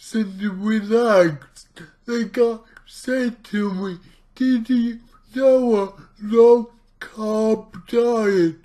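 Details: Male speaker with his own cerebral palsy, real not acted, trying a keto diet; dysarthria (cerebral palsy).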